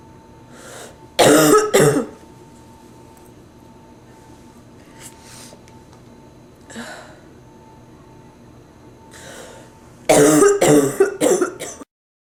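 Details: Woman with bronchitis, stuffy nose, sore throat and feeling feverish; two loud clusters of harsh, forceful coughs separated by quiet breathing.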